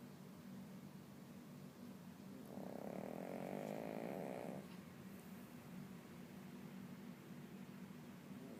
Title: 甜睡中扯鼻鼾的狗狥Jeep Jeep / Jeep Jeep's sound of snore